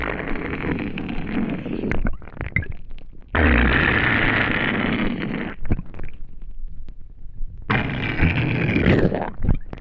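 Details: Long, loud gurgling and rumbling stretches of gut noise with brief pauses from an empty stomach after not eating for a day; hungry stomach rumbling.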